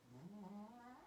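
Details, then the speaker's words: A pet dog snoring while asleep during a spoken recording: a single low, droning, slightly tonal breath. "So I'm sorry if you can hear my dog snoring. Daisy, shh."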